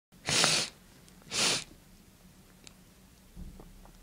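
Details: Two strong, wet, explosive sneezes about a second apart, induced with a clothes tag tickling the nose, then a faint sniff; nose still tickly afterwards.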